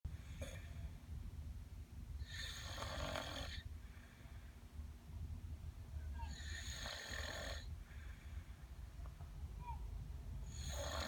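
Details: Child snoring in sleep who can't be woken: loud rattling snores about every four seconds, roughly 14 breaths a minute, over steady low room hum.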